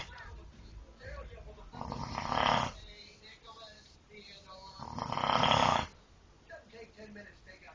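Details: Snoring: two loud, rasping snores about three seconds apart, with quiet breathing and faint room noise between them.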